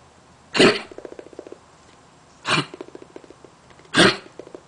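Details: Dog, later found to have lung cancer and later congestive heart failure: three harsh, explosive coughs, each followed by a short run of softer hacking or gagging sounds.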